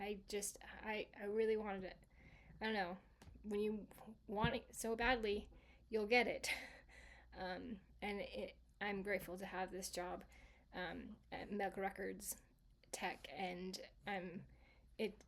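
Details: Residual aphasia in a female stroke survivor, 26 years after the stroke; originally global aphasia that has improved but persists, with speech she describes as sometimes okay and sometimes not.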